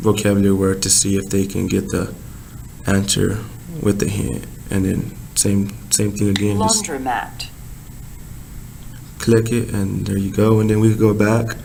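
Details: Broca's (non-fluent) aphasia in a young male patient, interviewed by his therapist.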